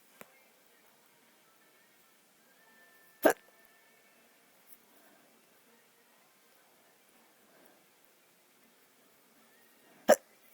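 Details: Recurrent hiccups while drunk: two sharp, abrupt hiccup sounds about seven seconds apart in a quiet room, with a fainter catch between them.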